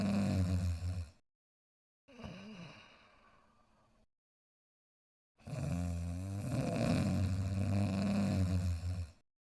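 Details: Sleeping dog snoring soundly: loud, low, rattling breaths separated by quieter exhales and brief pauses.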